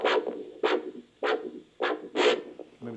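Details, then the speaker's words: Rhythmic whooshing pulses, about 100 a minute, from an electronic Doppler probe over a leg artery during a peripheral vascular disease pulse examination; normal arterial Doppler signal. "this is electronic so he turns this thing on and puts it over the low artery"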